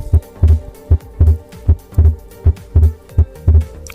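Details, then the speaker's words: Physiological splitting of S2 on inspiration. On inspiration the aortic valve closes about 0.04 seconds before the pulmonic, splitting S2 into two components; the steady heartbeat is about 77 per minute and S2 becomes single again on expiration. "el ventrículo izquierdo Se vacía más rápidamente que el derecho y la válvula aórtica se cierra primero que la pulmonar alrededor de 0,04 segundos y da lugar a un r2 normalmente desdoblado en dos componentes suena"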